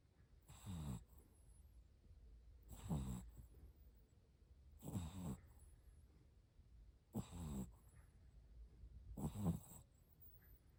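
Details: Sleeping Shih Tzu puppy, a small-breed dog, snoring: five short, fluttering snorts on each breath, about every two seconds, roughly 28 a minute, with faint noise between.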